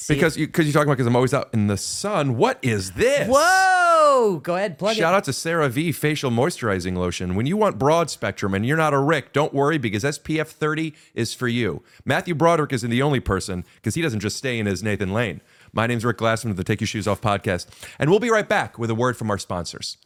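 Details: Adult male speaker; ordinary speech.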